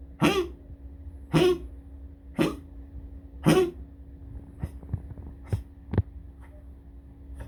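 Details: Dog coughing in the toilet before urinating: four harsh, hacking coughs about a second apart, then quieter clicks and shuffling in a small echoing room; repeated coughing.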